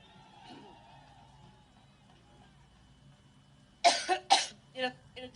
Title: COUGHS FOR 2MIN. STRAIGHT